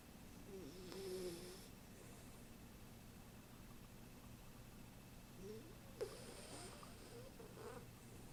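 Two rough, rattling breaths over about eight seconds against steady room hum, typical of snoring.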